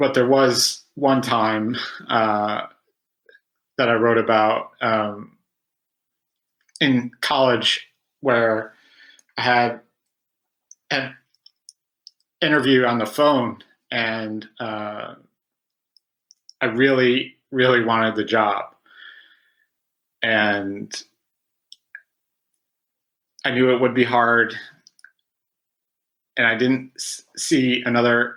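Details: Adult man who has stuttered since about age five, with about 20 years of speech therapy; real stuttering.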